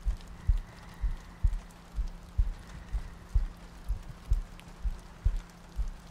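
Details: ASMR sleep-aid audio loop: steady low heartbeat thumps at about 63 a minute under soft rain ambience and breathing; regular heartbeat.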